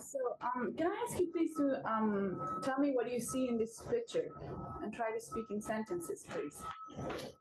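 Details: Adult female examiner; ordinary speech.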